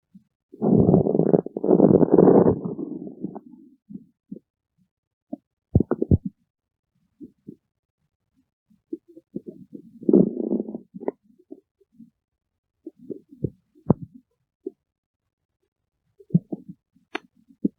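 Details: Stomach growling (borborygmi): a long, loud rumbling growl followed by intermittent gurgles and squeaks from the belly.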